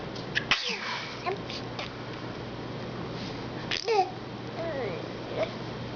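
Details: Five-month-old baby: two small, abrupt sneezes amid babbling and raspberry sounds, over a steady room hum.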